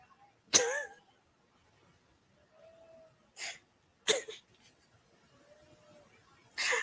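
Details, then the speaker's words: Snoring from a sleeping cat: sharp, snorting breath noises with faint whistles or squeaks between them. "Can you hear that? That's my cat snoring."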